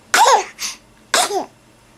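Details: Child sneezing, recorded 2007: two sharp, explosive bursts of breath with a voiced, falling cry-like sound and a brief gap between them.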